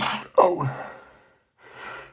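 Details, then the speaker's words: A single adult sneeze: a sharp voiced burst that trails off, followed by a quiet breath. "Oh, I have to sneeze."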